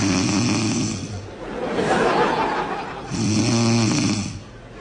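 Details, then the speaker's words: Sleeping French bulldog, a flat-faced breed: two long, loud, rattling inhaled snores with a rough breath between, over faint music: snoring. "Ну что ты опять будешь храпеть? Я не усну опять."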